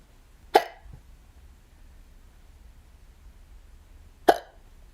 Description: I like it so here are my hiccups! ^^